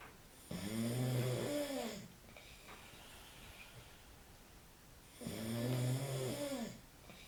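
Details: Man (friend) snoring during night sleep: two loud, deep, buzzing snores on the in-breaths, about five seconds apart, with quiet breathing out between; ordinary heavy snoring.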